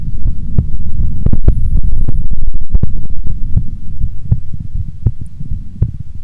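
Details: Adult female resting heartbeat before sleep: steady, deep, muffled thumps at about 80 per minute over a low rumbling hum, a normal heartbeat.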